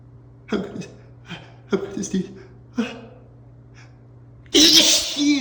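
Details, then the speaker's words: Person deliberately holding back sneezes on request, with several small stifled catches and breaths while saying "don't sneeze," then one loud, full sneeze at the end; stifled sneezing. "I want to sneeze so bad. Oh, don't sneeze. Don't sneeze. Don't sneeze. I guess this is kind of hard."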